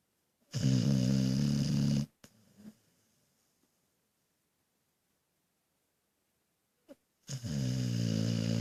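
A dog snores with loud, rattling, buzzy breaths, separated by a long quiet gap.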